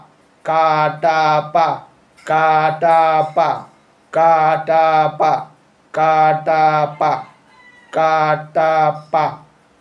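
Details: Man with puberphonia since childhood, after voice therapy, producing vowels, 'om' and repeated 'ka-ta-pa' syllables; normal adult male voice pitch.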